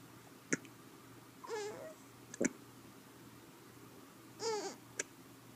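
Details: Infant with three sharp, brief hiccups, a short whimper after two of them, and a faint background hum; hiccups.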